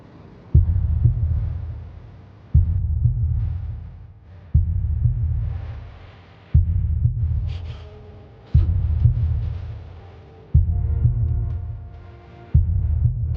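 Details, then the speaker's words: Heartbeat recording played as evidence in a TV drama courtroom scene, said to belong to a man appearing asleep, presented as proof he is alive: deep, regular, slow thumps about 30 a minute; dramatized sound effect. "This sound of heartbeat belongs to himself. This sound of heartbeat shows a person's will to survive."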